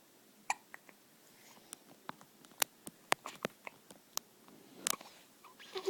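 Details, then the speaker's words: Infant girl with hiccups: soft, sharp little catches repeat irregularly in a quiet room, and an adult remarks that she seems uncomfortable; infant hiccups. "What funny little noises she makes. Oh, she's uncomfortable.""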